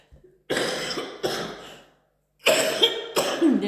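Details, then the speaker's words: Four harsh, forceful coughs in two pairs separated by a brief pause, from an adult woman with a chest cold affecting her bronchi and some difficulty breathing; chesty cough. "il y avit longtemps que je n'avais plus toussé je suis vachement prise des bronches et d'où ma ma voix qui est peut-être un peu bizarroïde"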